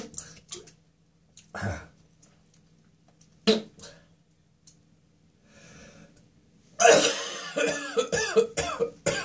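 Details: Throat infection: several harsh, tickly coughs and throat clearing, ending in a long retching, gagging burst with spitting.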